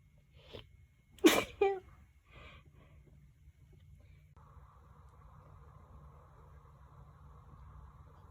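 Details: A sharp, explosive sneeze burst with a short follow-up, then quiet room noise; sneezing.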